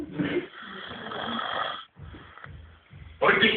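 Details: Person snoring during sleep: a long, rough, rattling breath sound followed by quieter breathing and another loud burst.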